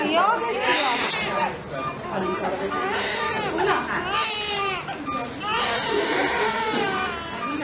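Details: Newborn baby girl in hospital in the first minutes after birth: repeated high, wavering first cries over room noise and voices. A normal newborn cry.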